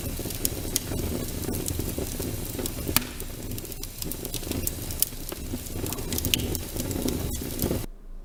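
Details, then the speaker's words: Fine crackles in a lung sounds review: brief, soft, high-pitched, short discontinuous crackling pops over low breath noise, likened to a crackling campfire; attributed to collapsed small airways or alveoli popping open with airflow. "이제 크게 보면 파인 클라크가 이제 코어스 클라크 있는데 파인 클라크 른 상대적으로 조금 부드럽고 그리고 피치는 하이 비치 까지 그렇게 짧은 소리 고요 그 딱 딱딱 끊어지는 소리죠"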